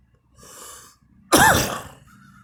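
A soft indrawn breath, then one loud, harsh voiced cough in a quiet room; a single cough.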